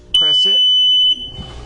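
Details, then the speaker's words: InvaCare oxygen concentrator used with the Homefill system, switched on at the front-panel switch: a steady, shrill electronic tone of about one second, then machine hum; normal power-on alarm check confirming power or machine failure alarm works. "and when you do that, you'll always hear that alarm, and the alarm is just telling you that your alarm is good in case you were to have a power failure or machine failure."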